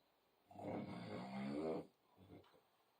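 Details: A loud, rumbling, flapping snore on the in-breath, followed by a softer second breath sound; snoring.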